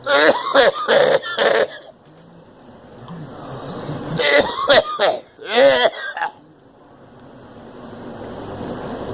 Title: Girl coughing